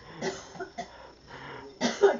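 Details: A few short cough-like bursts and a louder sneeze-like burst.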